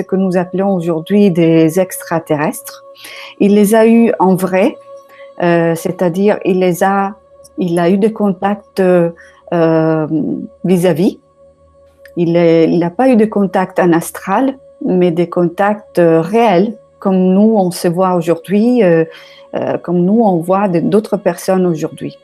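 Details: Adult speaker; normal voice.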